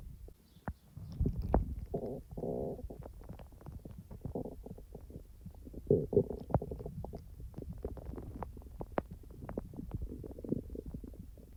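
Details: Real stomach rumbling from the speaker's own abdomen, not recorded in real time because the stomach was barely active: rolling gurgles and bubbly rumbles with scattered clicks from active digestion, bowel sounds (borborygmi).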